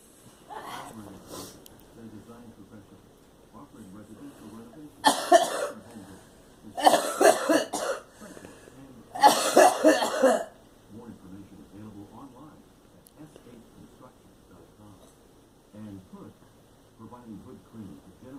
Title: Girl coughing